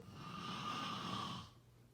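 A single rough, rattling breath sound with a faint whistling tone, lasting about one and a half seconds, typical of a snore.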